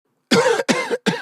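Three quick coughs from a child, each an abrupt burst of noisy air with short pauses between.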